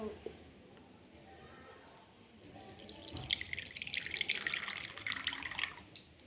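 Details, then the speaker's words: Saline (NaCl) poured onto gauze to wet it for wound care, a pressure sore dressing demonstration: soft splashing and trickling of liquid with light room noise. "tuangkan NaCl ini ke mana yang mau dipakai buat membasahi ncasa"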